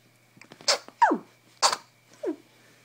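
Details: A baby, an infant, sneezing: two small, sharp sneezes, each followed by a brief squeaky sound, in a quiet room.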